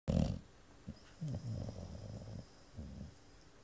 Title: snores